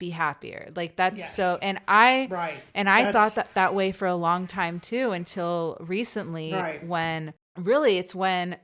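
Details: Woman who has stuttered since about age two or three, hid her stutter and passed as fluent growing up, had speech therapy after school, speaking English as a podcast host; real. Finding: stuttering.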